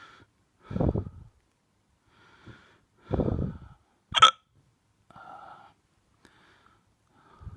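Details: Hiccups in a drunk person: repeated short, abrupt gulping sounds with sharp catches, several within a few seconds.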